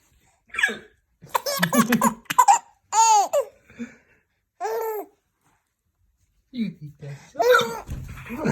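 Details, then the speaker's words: Adult man (father) hiccupping: sharp, abrupt vocal catches met with bursts of bright laughter from his 3-month-old baby; hiccups. "You think Daddy's hiccups is so funny? You think Daddy's hiccups are so funny?"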